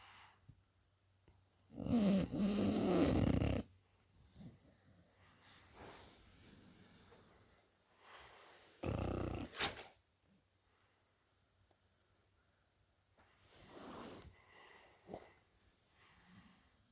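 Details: Sleeping Amstaff dog: a few loud, rough snoring breaths with softer snuffling breaths between them, in a quiet room; snoring.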